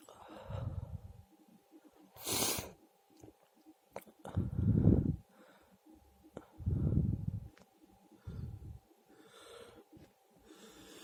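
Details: Repeated low, wet nasal snorts and snuffles in bursts, with a sharper sneeze-like burst; nasal snorting and sneezing.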